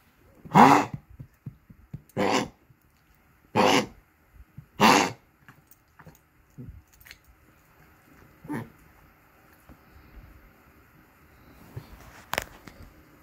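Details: Dog coughing around 5:30 am on its worst night, given medication including Lasix about 30 minutes earlier: four harsh, forceful honking coughs about a second apart, then a few fainter ones, in a quiet room.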